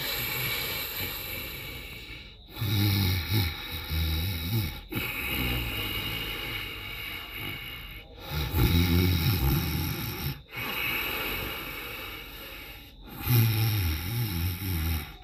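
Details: Sleeping monkey in the morning snoring: rhythmic rattling snores on each breath, about 13 a minute.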